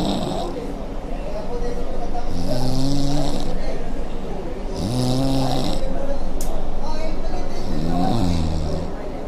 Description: Can this boy be the next snoring champion of the World?